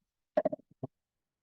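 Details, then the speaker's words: Simulated right-sided temporomandibular joint crepitus on a dental palpation training simulator with a flexible jaw: a quick run of short, loud grating clicks. "you can hear that Cit right it's really loud and you can feel it too though I've got it engaged on the right side of the Jet right now you can have both sides with crepitus"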